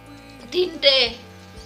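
A quick inward breath followed by an explosive hissing sneeze over background music.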